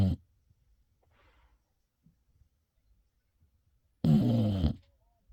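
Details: Sleeping dog that fell asleep with its attachment star cushion in its mouth: low, rumbling snorts separated by long quiet pauses; ordinary dog snoring.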